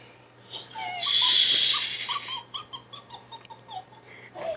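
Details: Adult man napping with a whistling snore: a loud hissing breath, then a run of high, squeaky whistles with each breath, like a whistling nasal snore.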